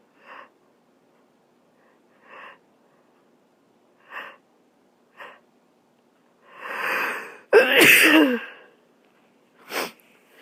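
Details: A person sneezes: several short catching breaths build to a deep inhalation, then one forceful, explosive sneeze.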